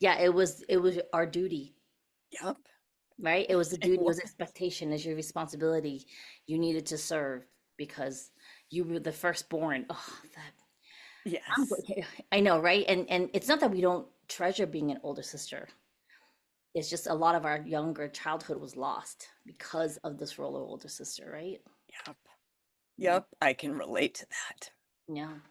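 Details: Adult woman speaking in conversation; normal voice.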